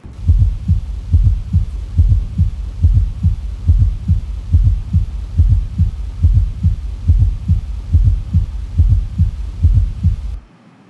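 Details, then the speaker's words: Heart sounds heard at the apex (mitral area, fifth intercostal space, midclavicular line), regular near 71 per minute, with a soft extra sound just before the first sound: S4 gallop. "S4 gallop. S4 gallop. Excellent. This was an S4 gallop."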